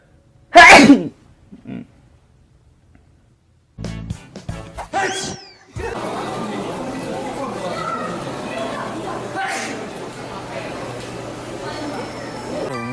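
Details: Sneezes from a man, from a compilation of his sneezes.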